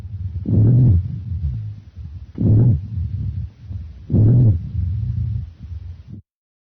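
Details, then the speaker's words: Teaching recording of auscultated breath sounds: low, snoring, musical sounds recurring with each breath, mostly on expiration. Rhonchi (low-pitched wheezes). "low pitched wheezes are musical snoring sounds mostly on"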